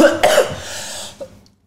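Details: One harsh dry cough burst with no wet rattle, then a short breath, from a child with autism who has been ill for weeks to months and is slow to recover despite medicine.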